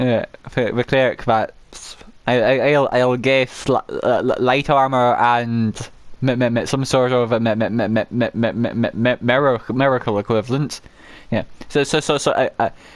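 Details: Adult male with a self-reported uncontrollable stammer, which he says particularly affects m and w sounds, with stammering he apologizes for afterward; stuttering.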